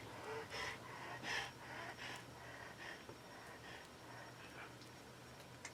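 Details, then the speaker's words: A dog with laryngeal paralysis breathing at rest: rapid, harsh, slightly whistling breaths that sound like panting or struggling to breathe, though she is not; stridor. "She has laryngeal paralysis. So it makes it sound like she's struggling to breathe, and she's really not. That's just the way her breathing sounds now."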